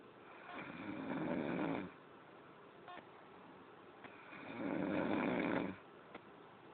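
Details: Cunucu in Curaçao snoring: two long, rough, rumbling breaths about four seconds apart, each nearly two seconds long, with quiet pauses between.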